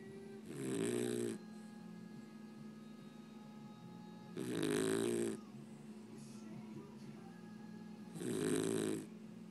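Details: Snoring from Scottie: three loud rattling snores, about 15 per minute, with quiet gaps, over a faint steady background tone.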